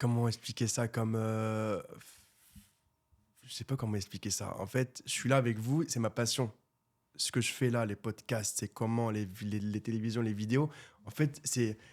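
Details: Stuttering in a 24-year-old man who has stuttered since birth; it was severe in childhood and treated with speech therapy, and he now stutters mainly under stress and only a little in this conversation.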